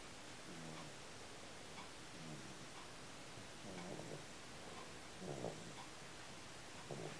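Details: Soft, fluttery snores about 37 per minute under steady hiss from a sleeping dog; harmless snoring.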